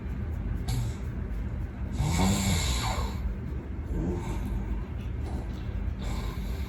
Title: HOW LOUD DOES MY HUSBAND SNORE + early morning make up :)